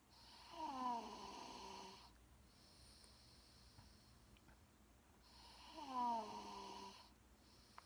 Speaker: This is my cousin snoring. He snores really loud.